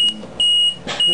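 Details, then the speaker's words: LP10 ventilator in-service demonstration with high pressure limit set at 60 and low pressure at 10; loud, piercing repeated electronic beeps with short gaps: ventilator high pressure alarm. "we set 60 then okay now it's high pressure oh that's why"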